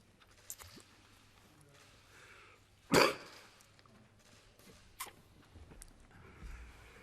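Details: Adult male Australian Treasurer coughing during an economic address to parliament in Canberra: one strong, harsh cough and a couple of fainter ones in a quiet room, part of a coughing fit; a later Covid-19 test came back negative.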